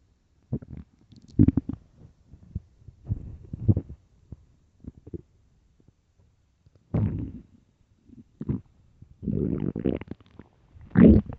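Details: Early morning stomach growling recorded for headphones: irregular low gurgles and rumbles, some long and bubbling; ordinary bowel sounds.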